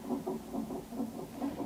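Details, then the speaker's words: Fetal heartbeat on a Doppler monitor during a non-stress test in late pregnancy: rapid, rhythmic whooshing at about 150 beats a minute. The monitor strip shows a fetal heart rate acceleration with fetal movement felt. "Yeah, cuz according to the monitor strip, there's a little bit of an acceleration already and it looks like baby might have I missed it."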